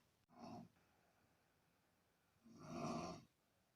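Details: Man recorded by his partner snoring: two rough, fluttering breath sounds a couple of seconds apart in a quiet room; snoring.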